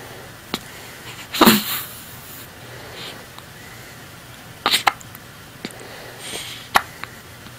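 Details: Hiccup test: brief soft clicks and one louder puff against steady room hiss, fitting small hiccups.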